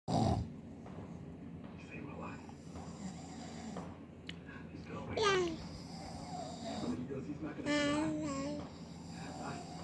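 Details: Husband snoring during sleep, remarked on as really loud: rough, rattling breath noises with snorting over room sounds and some background voices; snoring.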